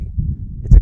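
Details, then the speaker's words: Diastolic murmur heard at the left lower sternal border, intercostal spaces 3–4: muffled low heart thumps with a soft, low rumble in the gap after systole. "so mr garcia has a diastolic murmur and it's coming from one of his four valves so if mr garcia has aortic regurgitation we expect to hear the murmur loudest at the left lower stoner border"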